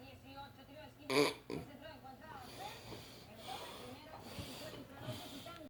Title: My husband Snores so loud and breaths so badly.